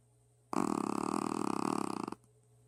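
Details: Sully, a Shih Tzu, snoring while asleep: a single long, buzzing, rattly snore lasting about one and a half seconds.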